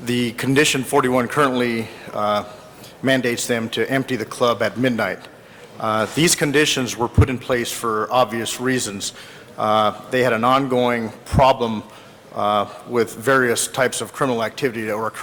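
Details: Adult male speaker; Typical speech.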